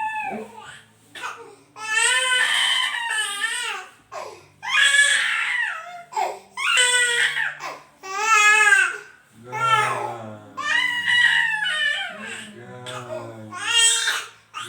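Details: An infant crying hard in repeated breathy bursts with catches between cries, crying until coughing; described as usual and not a worry for parents.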